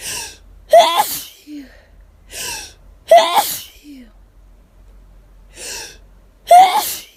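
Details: Hay fever sufferer out of medication, itchy and lightheaded; three forceful sneezes, each preceded by a sharp in-breath, about two to three seconds apart: rapid repeated sneezing.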